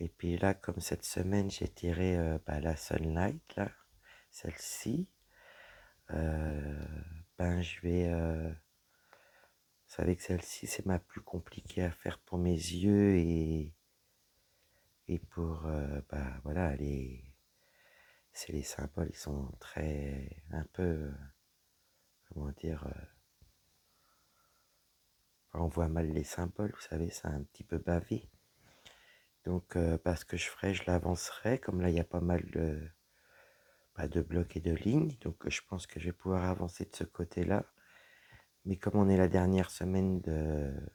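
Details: Woman with dysphonia after a serious health problem damaged her vocal cords; her voice is lower than before, at times weak, and she cannot speak loudly.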